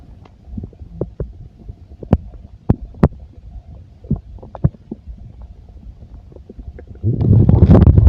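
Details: Full stomach: frequent low gurgles and pops from the belly, then a loud rumbling rush at the end; ordinary bowel sounds.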